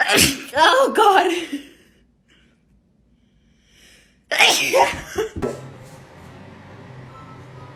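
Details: Two sharp sneezes with gasping in-breaths between them, then quiet room noise; repeated sneezing set off by a nasal swab during a COVID-19 test.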